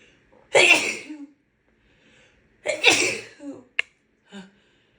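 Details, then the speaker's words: A woman with a bad head cold: two forceful sneezes in a quiet room, each a sharp hissing burst trailing off, then small after-sounds. "Oh, excuse me. I have to sneeze."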